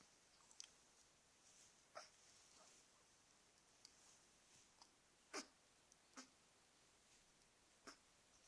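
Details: Twins having hiccups: brief sharp catching sounds at irregular intervals, about seven in eight seconds, over faint room noise.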